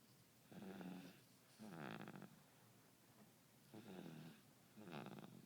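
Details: Sleeping infant boy recorded close up, snoring softly and regularly with a light voiced rasp, about four breaths in five seconds; an alarm sounds in the background.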